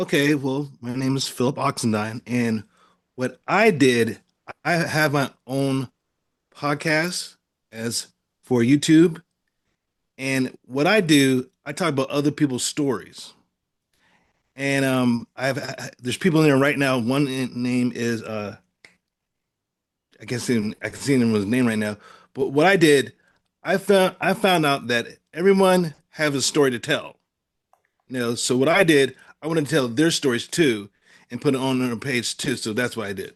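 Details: Adult male stroke survivor with aphasia following stroke; aphasia.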